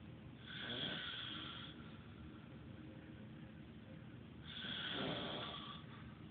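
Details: Two long, rattling breaths roughly four seconds apart with quiet between, from a sleeping adult man, phone-recorded; loud snoring.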